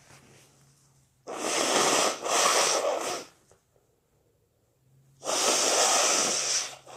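Two long, wet, hissing bursts with a breath pause between, consistent with wet sneezes.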